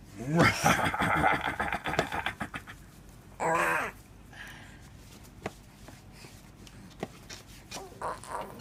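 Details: A young child makes a string of short, voiced, deliberate fake coughs, then a brief drawn-out vocal sound, followed by laughter.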